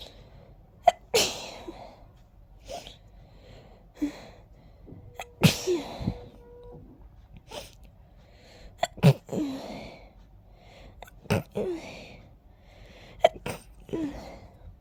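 A run of several forceful sneezes, with sniffly, congested breaths between them, in a quiet room; a sneezing fit with nasal congestion.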